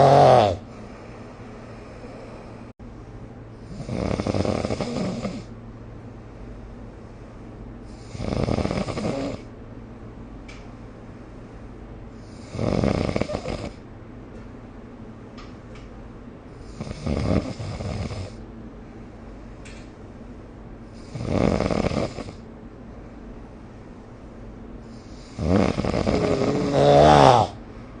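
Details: Snoring during sleep, recorded with the SnoreLab phone app: rough, rattling snores with each breath, about 14 a minute, separated by quiet pauses.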